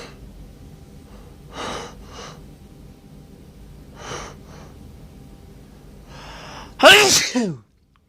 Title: Loud hitching sneezes (M)